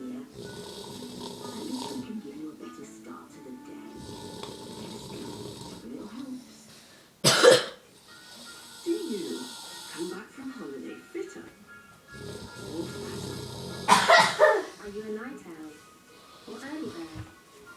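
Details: Older man asleep in the evening: loud, irregular snoring with a couple of sharp snorts, television playing in background; snoring.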